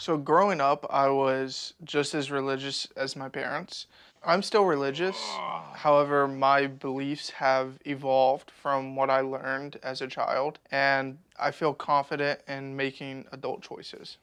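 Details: Adult male speaker; no disorder.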